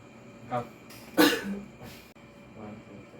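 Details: Voluntary forceful cough after a deep held breath, demonstrated by a respiratory therapy student as a coughing-maneuver return demo for pulmonary rehabilitation.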